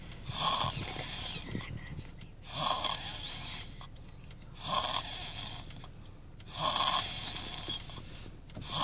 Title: Child's snoring put baby to sleep